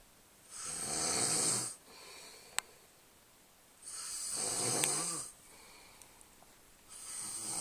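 Loud, rough, hissing snores with each slow breath, about 17 a minute, separated by quiet pauses; ordinary snoring.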